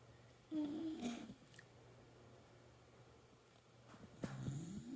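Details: A schnoodle dog snoring while asleep, with two short whistling, squeaky nasal snorts separated by quiet breathing; the owner jokes it may be a "valve problem."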